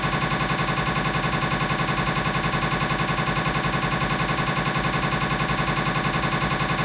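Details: Siemens MAGNETOM Lumina 3 T MRI, lumbar spine T1-weighted sagittal turbo spin echo sequence (t1_tse_sag): loud, continuous, fast, very regular knocking and buzzing scanner noise.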